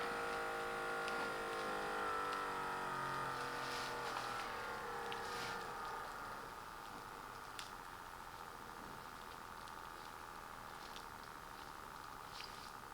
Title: Sanitas SBM 49 Upper Arm Blood Pressure Monitor